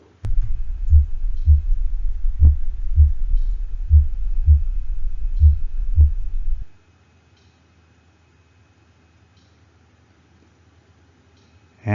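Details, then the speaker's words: Heart sound simulator mimicking a horse: regular, deep, low S1 and S2 thumps at a slow rate, normal heart sounds. "and next let's listen to the heart sound simulator trying to mimic a hoarse heart rate the heart rate is slow"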